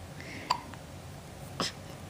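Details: Baby mumbling with hiccups: two short, sharp catches of breath about a second apart over soft room noise, with Spanish speech nearby; hiccups.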